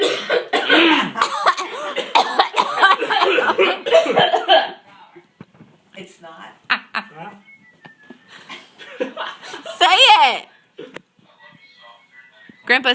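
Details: Elderly grandfather at a family Christmas Eve gathering: brief adult cough amid overlapping talk and laughter in a small room; ordinary single cough.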